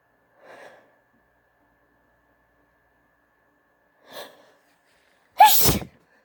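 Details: Allergy-induced sneeze: two soft breathy intakes then one forceful explosive sneeze in a quiet room; nose tickly from allergies, sneeze easily induced; sneezing.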